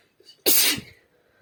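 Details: Woman sneezing after saying "itchy": one sharp, explosive hissing burst after a brief soft intake of breath; a single sneeze.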